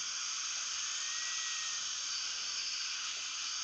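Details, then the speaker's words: Dental drill under a dental microscope drilling slowly and gently to avoid heat, making a centered pilot hole in a broken, cold-welded abutment screw of an external-hex implant (type 4 rescue); steady high-pitched whine. "then all we're doing nice and easy we don't want to generate heat and we'll probably have to go through a few of these"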